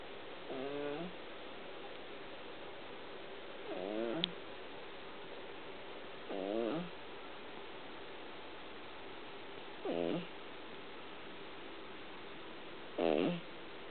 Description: brown cat ( american short hair - chataro) is sleeping and snoring so loud that I couldn't help taking video.